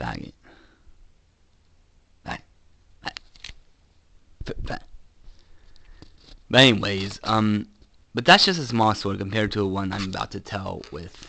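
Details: Adult man with Tourette syndrome producing real, involuntary repeated vocal tics, including coprolalia; he also reports head-hitting tics; Tourette syndrome vocal tics (coprolalia)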